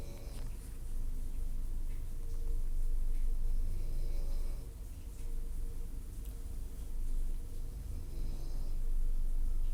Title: Mother snoring like a truck